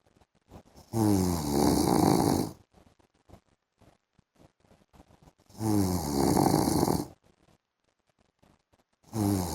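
Harsh, vibrating snores roughly every four seconds, with quiet clicking breaths between them.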